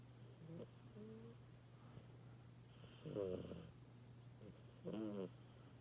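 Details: Mini snores: soft snorting, vibrating breath sounds recurring every couple of seconds over a steady low hum; light snoring.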